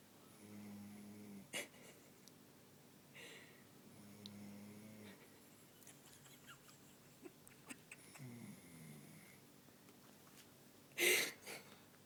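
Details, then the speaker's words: Tired dog sleeping after playing on the beach: soft, low, rattling snores a few seconds apart in a quiet room, with a brief louder rustle near the end; dog snoring. "You're snoring, dog."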